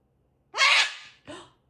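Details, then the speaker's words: Parrot's imitation of a human sneeze: a single sharp, hissy sneeze-like burst and a softer follow-on sound; fake sneezing, not real. "ACHOO! OH MY GOODNESS, YOU SNEEZED AGAIN. FAKER."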